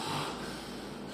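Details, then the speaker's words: An imitated loud snorting gasp as breathing resumes after a polysomnography nasal airflow trace goes flat during a pause in breathing, shown in a sleep apnea lecture: snort/gasp at the end of an obstructive apnea. "Aqui o paciente parou de respirar. Aqui ele está parado, aqui ele está fazendo assim. Aqui ele vai fazer o quê?"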